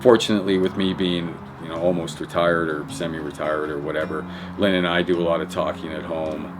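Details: Adult man speaking; normal speech.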